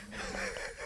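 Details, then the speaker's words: Chihuahua snoring in the background of an indoor recording, a brief nasal, slightly whistling snore in a quiet room: snoring. "Got some chihuahua snoring going on Right. in the background."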